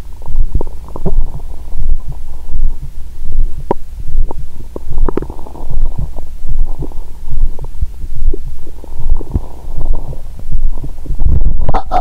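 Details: Adult woman's abdomen after a Christmas dinner with wine following a 22-hour fast, through a stethoscope: low gurgles and rumbles, ordinary digestive bowel sounds after a meal.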